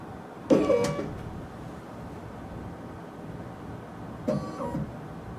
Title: scanBox Pro Dental Lab Scanner